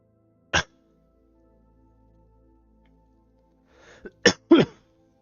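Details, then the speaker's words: A single sharp cough, then a quick cluster of about three more coughs from a livestreaming poker player at the microphone, with soft music behind. "also I just turned the sound of the stream on and listened to myself coughing to the mic on I'm so sorry for all of your guys' ears I will try to mute it before before coughing"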